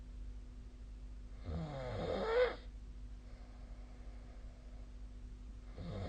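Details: Nightly snoring recording from 2025/02/25: a loud, rattling snore on one breath in, then quiet breathing, with the next snore beginning; steady low room hum behind.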